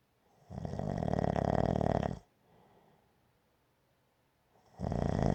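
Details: A long, low rattling snore on a breath in, a quiet pause, then the next snore beginning; gentle snoring.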